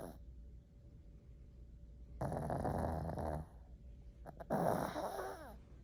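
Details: Snoring pug, a flat-faced dog: two loud rattling snores with quiet breathing between them, faint hum in the background.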